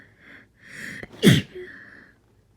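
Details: With a cold: a quick breath in, then one loud, forceful, spontaneous sneeze with a short breathy tail that could not be stifled.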